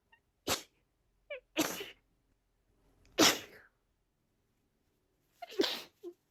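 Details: Female with pre-migraine rapid repetitive sneezing (17 sneezes in 45 seconds): four short, sharp sneezes in quick succession, little build-up, faint small vocal sounds between.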